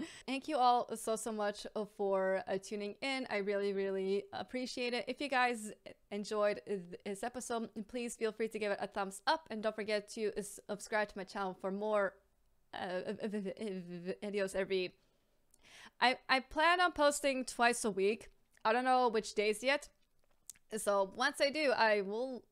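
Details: Stuttering (stammering), real, in an adult woman who says she has a stammer and is a stammer advocate.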